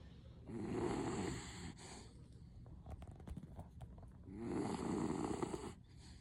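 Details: 16-year-old female Beagle sleeping: two loud, rough rattling snores on in-breaths, about 16 breaths a minute, quiet breathing between; owner notes loud snoring, possibly since young; snoring.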